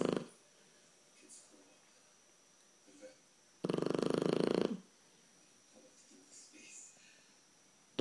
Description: Our 12 week old blue Shar Pei Snoop is asleep snoring even louder